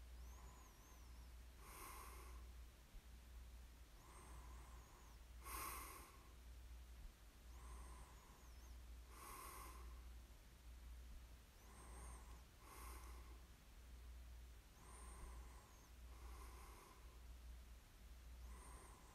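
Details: Snoring ASMR recording of a sleeper: soft, snorting nasal breaths in a steady rhythm over a low background hum, light snoring.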